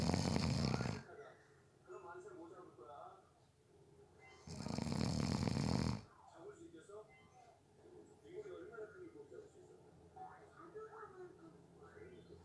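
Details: Person napping who fell asleep within 30 seconds: two long, loud, rattling snores about four seconds apart with quieter breathing and faint background sounds between; snoring.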